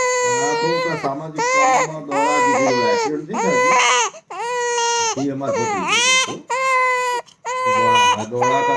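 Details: Loud, high-pitched rhythmic crying in repeated bursts with brief breaths between, from a 2-month-16-day-old infant; ordinary baby crying.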